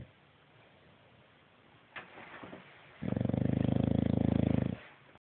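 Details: Dog snoring: a single long, rattling, low snore with rapid fluttering after a quieter stretch of breathing.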